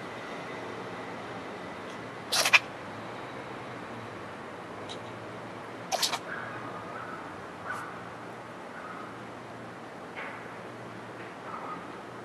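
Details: Possibly stray cat sneezing: two sharp, explosive sneezes with faint small vocal sounds between, in a quiet room.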